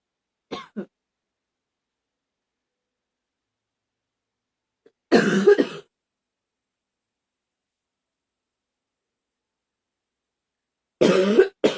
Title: Coughing fit! #15